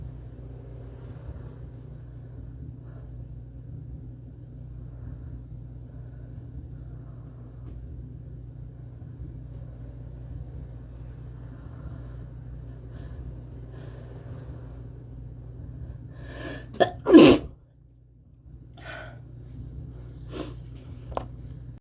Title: Catching sneezes in my hands